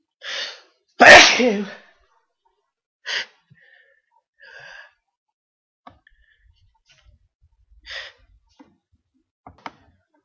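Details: A single loud, explosive sneeze with a sharp intake beforehand, followed by a few quieter breaths and small sounds in a quiet room: sneezing.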